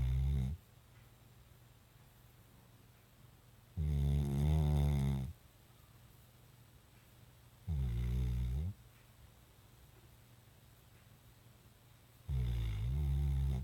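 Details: A dog snoring while asleep: deep, rumbling snores at regular intervals with quiet between them, about four in fourteen seconds.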